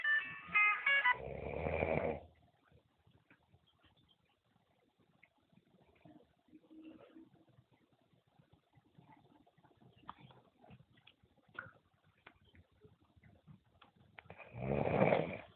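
Two long, rough, low snoring breaths with quiet stretches and faint room noise between them.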